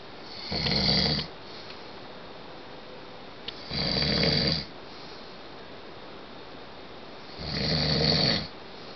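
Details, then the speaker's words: Adult husband asleep, recorded through the bedroom wall: loud, rough snores on each breath in, about 20 a minute with quiet gaps; wife says he snores really loud. Snoring. "yeah you're snoring really loud and I finally got you on tape roll over you're snoring really loud you're going to hurt your throat"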